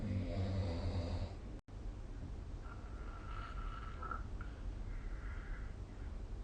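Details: Loud, low, rattling snore followed by quieter breathing noise and faint whistling, recorded with the SnoreLab phone app during sleep; snoring.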